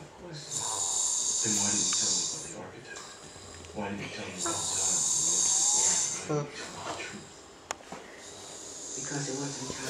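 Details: Sleeping person recorded by friends during an overnight stay: loud, harsh rasping snores on the in-breaths, about 15 breaths a minute, with faint voices nearby; snoring.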